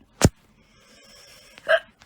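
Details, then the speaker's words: Persistent hiccups, heard while talking: two abrupt, sharp hiccups about a second and a half apart, the second with a brief voiced squeak, over quiet room background. "you guys are gonna have to deal with the hiccups. I can't get rid of them. They'll go away eventually, though."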